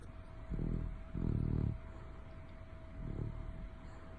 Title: Bear snoring 😴 loud 😂